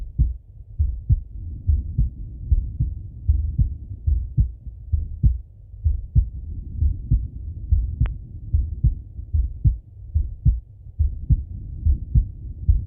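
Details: Stethoscope auscultation of a male's chest: steady, dull heartbeat at about 75 beats per minute with soft breathing noise rising and falling underneath; heartbeat with breath sounds.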